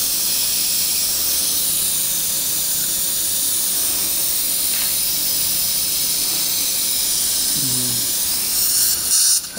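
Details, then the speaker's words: Loud hiss of suction and water spray with brief higher drill whines near the end: implant site drilling under irrigation, immediate implant at #25 in a 29-year-old male. "i'm going to drill up to 4.0 and the sinus floor is going to be penetrated using the good self-tapping ability of ts3 implant diameter 4.5 implant is going to be placed and bone graft is going to be done as shown"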